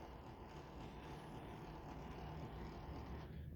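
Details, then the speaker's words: Low, steady motor hum of a full electric hospital bed as the middle button on its remote raises the entire bed. "this middle part right here this will raise the entire bed"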